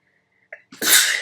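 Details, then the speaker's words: Quick intake of breath, then one loud, explosive sneeze into the hands by an adult at home during a tarot reading recording. "oh excuse me and i sneezed into my hands whoops luckily i'm at home"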